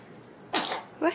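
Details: Baby sneeze: a single small, sharp sneeze followed by a short breath or whimper.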